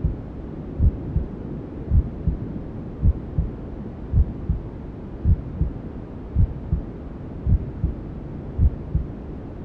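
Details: Steady paired lub-dub thumps at about 54 beats a minute over a constant low whooshing hiss: a mother's heartbeat with white noise and womb sounds, as heard by a fetus, used to lull a newborn; a regular normal heartbeat.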